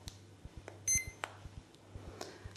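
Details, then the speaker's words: Legacy PCA morphine infusion pump being programmed for acute pain, saving the 100 ml reservoir volume with the enter key: single short high keypress beep among soft clicks and quiet room noise. "Pour sauvegarder une donnée, entrer avec la touche entrée rase. Appuyez sur suivant."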